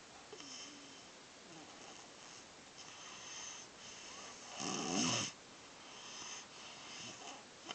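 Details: Person asleep and snoring: soft, rough breathing with a louder rattling snore near the middle, over steady room hiss.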